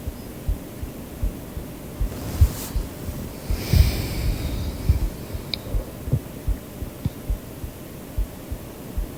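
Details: Creator's own recorded heartbeat used as sleep-aid audio: soft, regular low thumps of a normal heartbeat, about 90 a minute, under steady white-noise hiss and a faint breath.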